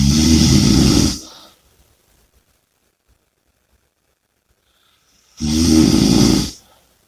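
Two loud, rough, rattling snores about four seconds apart with quiet pauses between; heavy snoring.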